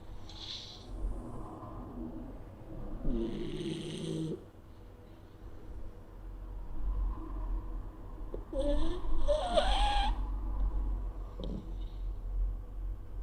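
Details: Small male pug asleep curled up on owner's lap: noisy, rattling, irregular snores on breaths in and out with a snuffling quality over low room hum; snoring in a flat-faced dog.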